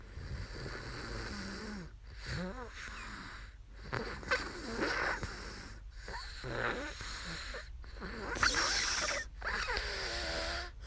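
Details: Adult woman asleep during a live sleep stream: uneven snoring breaths with throaty, fluttering sounds and brief snorts over steady room noise; snoring.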